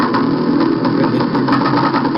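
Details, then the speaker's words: Needle EMG at rest after needle movement or percussion near the muscle, as in myotonic dystrophy or congenital myotonia: continuous engine-like buzzing that rises and falls in pitch and intensity, likened to a diving airplane or fire siren; myotonic discharge. "este sonido que sube y baja ha sido Comparado con lo que sucede la persona que estaba rotando conmigo con un avión"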